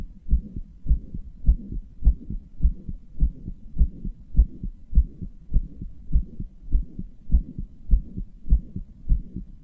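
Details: Heart murmur in a person who describes their own heart as weak and inefficient, with murmurs and palpitations; regular low heart thumps about 100 bpm with a soft whooshing sound between beats.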